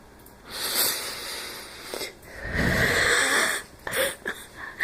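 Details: Dry, allergy-ish noisy nasal sniffles with mild trouble breathing and whistling breath, then one brief wheezy cough.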